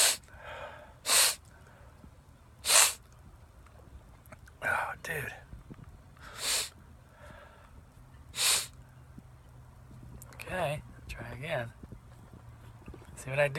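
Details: Adult man, just out of the shower, having a long sneezing fit of about twelve sneezes: repeated sharp, explosive sneezes, about seven here, with sniffs and gasping breaths between them.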